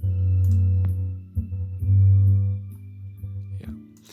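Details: Simulated bilateral moderate-to-severe sensorineural hearing loss due to otosclerosis, music played while switching between the right and left ears; on the left, instruments seem taken away compared with the right.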